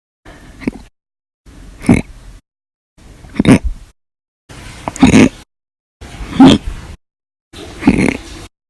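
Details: Compilation of hiccups recorded 8/1/19 to 8/31/19, described as violent, loud or silent, audio only: six abrupt, voiced gulping sounds separated by silent gaps, about 39 a minute; hiccups.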